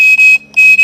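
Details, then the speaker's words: Ventilator loss-of-O2 alarm in a training demo: FiO2 is turned up past room air (21%) with no oxygen connected and zero O2 inlet pressure. Loud, high-pitched repeating electronic beeps with a brief pause. "that there's nothing coming in right now. Because there's no pressure coming in the O2 inlet."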